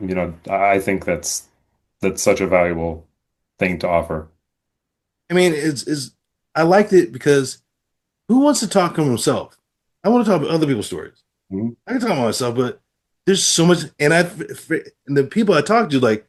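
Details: Adult man with aphasia after a stroke, practicing with app-based speech therapy; aphasia.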